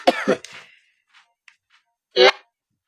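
Two quick harsh coughs, then after a pause one more short cough burst.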